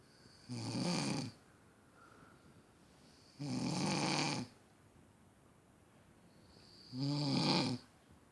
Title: Snoring piss head